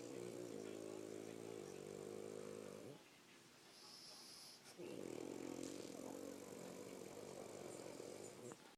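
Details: Snoring: two long, buzzing, fluttering snores separated by a quiet pause, with faint background noise.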